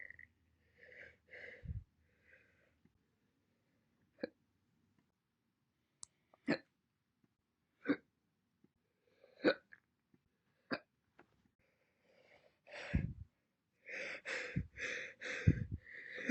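Separate short, sharp hiccup sounds, each a sudden catch of breath, with brief soft talk in between; single hiccups.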